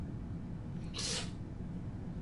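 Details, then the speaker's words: A cat sneezing: a single soft, hissing sneeze over steady low room hum; a normal sneeze. "Bless you, fatty. I don't know if you can hear my cat sneezing."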